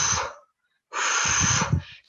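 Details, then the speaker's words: Lecturer imitating normal vesicular breath sounds in a lung auscultation lecture: a soft, breathy 'f'-like rush, longer on inspiration and shorter on expiration, about one third. "so that's why we will determine this equal breathing on the fees of inspiration and some short path on the fees of expiration so and it will be uh sounded like"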